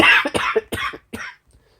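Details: A short run of about four dry coughs from an adult on day 6 of COVID-19 who is using inhaled breathing treatments.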